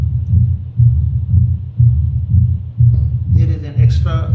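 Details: Pure uncomplicated mitral stenosis in a diagnosed patient, heard at the apical (mitral) area at about 60 a minute: loud S1, opening snap after S2, low-pitched rough rumbling mid-diastolic murmur louder at the end.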